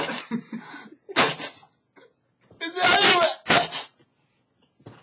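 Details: Several explosive sneezes in quick succession, with someone telling the sneezer to wipe their nose; sneezing that the sneezer blames on eating Taco Bell.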